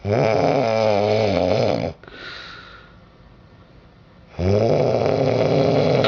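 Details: Adult woman sleeping in a hotel on the first night, who said beforehand she might snore but rarely does: loud, rough, vibrating snores on inhalation separated by quieter exhales; heavy snoring.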